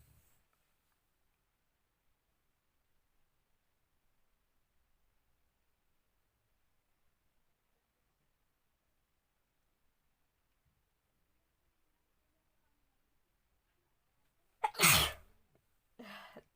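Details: Near silence, then one loud sharp sneeze burst and a softer second one; real sneezes from a woman doing a sneezing challenge with pepper.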